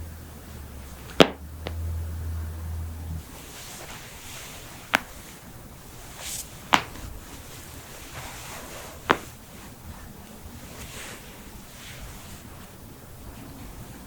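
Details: Joint cracking during manual adjustment, from a head-to-toe compilation of knuckles, backs, necks, toes, ankles, hips, wrists and jaws: four sharp isolated pops over a quiet background; harmless joint cavitation.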